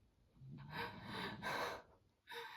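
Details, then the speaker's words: Snoring from a sleeping pet ("him") during a knitting podcast recording. "And then I decided I'm gonna knit. Can you hear him snoring? Sorry."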